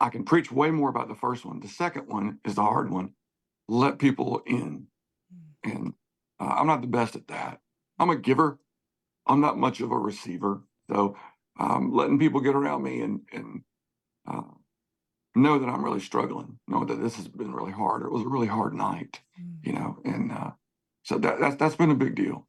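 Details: Spasmodic dysphonia in an adult male singer whose voice goes gravelly sometimes, more when talking than singing; he works with a voice therapist before concerts and has a history of cancer diagnosis and treatment.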